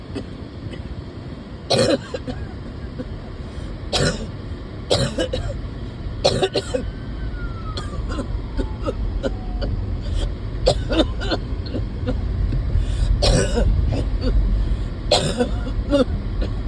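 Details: Person who gets winded even walking to the car, and is not improving, gives about eight harsh coughs with some throat clearing over steady engine and road noise; cough.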